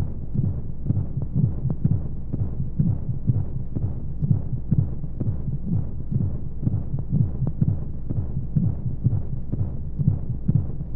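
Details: Womb-sound sleep aid for babies with white noise: muffled rapid low heartbeat thumps around 125 a minute over a steady whooshing hum of flowing sounds, a heartbeat as heard inside the womb.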